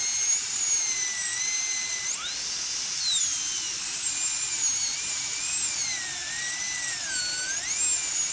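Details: High-speed dental handpiece running, a very high-pitched whine dipping and rising under load as it cuts through the seized nut of a stuck low-speed Midwest Shorty handpiece on a dental delivery unit.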